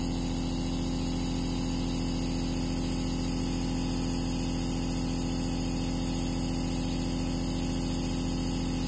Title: Nebulizer aerosol noise #asmr #nebulizer #noiselovers